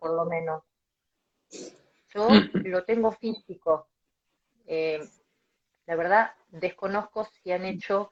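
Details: Adult male Spanish-speaking speech-language pathologist who stutters, speaking in a live interview; stuttering.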